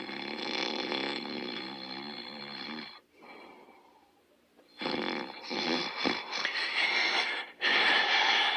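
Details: Loud, rattling snoring from a sleeping dog, Otto: long, harsh breath sounds separated by brief quiet pauses.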